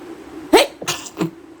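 One forceful sneeze followed by two smaller sneeze-like bursts, deliberately induced by tickling inside the nose.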